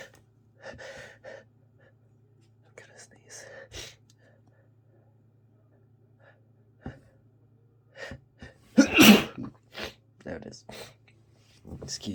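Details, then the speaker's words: Sneezing fit in an adult ill with a congested cold: soft breathy sounds build to one loud, explosive sneeze, then quiet murmuring ("I'm gonna sneeze again"); low steady background hum. "Oh, God. I'm gonna sneeze again. Here it comes."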